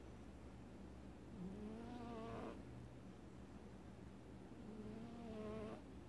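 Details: Domestic cat snoring in its sleep, which it does sometimes: two soft, drawn-out, whistling-buzzy breaths about three seconds apart over faint background hum.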